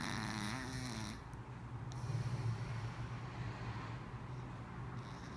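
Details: Snoring during a midday sleep: low rumbling breathing noise with a brief higher sound at the start.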